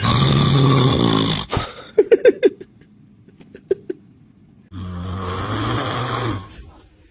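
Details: Adult father snoring near his baby: loud, coarse snores with short high squeaks and babbling from the infant between them; ordinary snoring.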